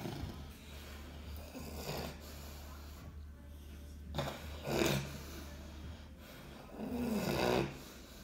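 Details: Loud, irregular, snoring-like breaths over a low hum in a patient with uncontrolled epilepsy; noisy stertorous breathing while recovering after a tonic-clonic seizure.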